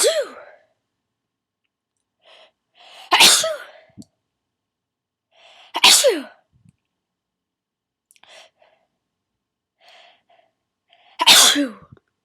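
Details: Start of a sneezing fit, beginning fairly normal: three forceful sneezes in about twelve seconds, each preceded by a short indrawn breath.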